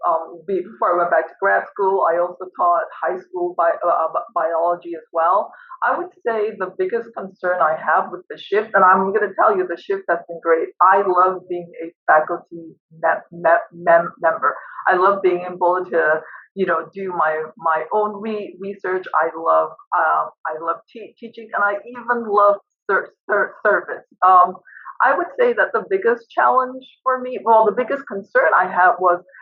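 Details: Female professor with a PhD who stutters and uses no fluency techniques while teaching; part-word repetitions; stuttering.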